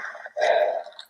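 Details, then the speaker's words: Recorded by phone held near the stomach: a brief squelching gurgle from the abdomen, part of a weird stomach noise that recurs every 10 to 15 seconds, the person says distinct from ordinary digestive noises. "It's just this weird noise that my stomach was always making."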